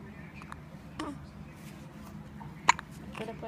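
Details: Two or three brief, sharp hiccup catches against steady room hum, one clearly louder, from an infant with hiccups.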